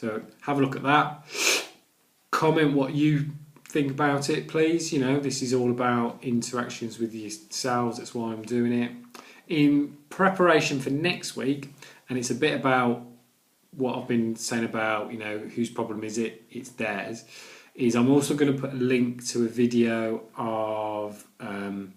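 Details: Adult man with a stammer that includes blocks and repetitions: stammering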